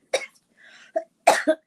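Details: A few short, harsh cough bursts with a brief throat clear in a quiet room, from an adult woman, a grandmother who says she can't talk easily this morning, heard during a live talk broadcast.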